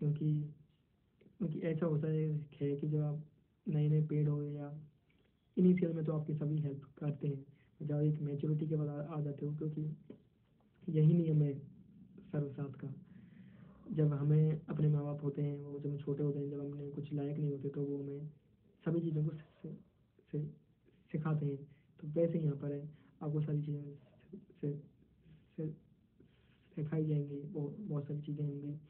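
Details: 22-year-old man who stammers, member of a stammering support association, with syllable repetitions; stuttering.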